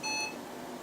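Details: Single short electronic beep in a quiet room as a veterinary diode laser system (DL-15AB) with surgical handpiece is fired, on standby-to-ready.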